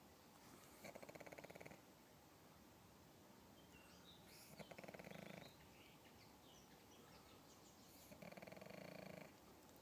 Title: WARNING..! This pug can snore man!! Cute